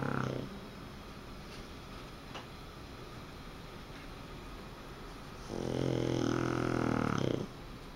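A dog snoring: one rattling, buzzing snore at the start and another long one near the end, with quiet room noise between.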